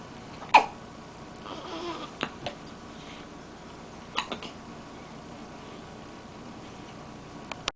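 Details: Hiccups: several brief, sharp catch sounds at irregular intervals over quiet room noise.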